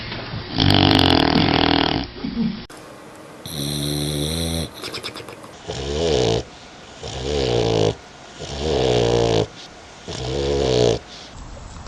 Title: เสียงสุนัข..นอนกรน..!! ชัดๆ100%(Dog snoring sound)